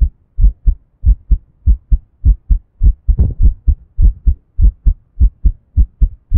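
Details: First attempt at recording one's own heartbeat: steady paired low lub-dub thumps, about 100 beats a minute; a heartbeat.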